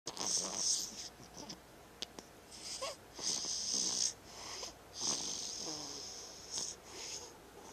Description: She's a snorer just like her mommie.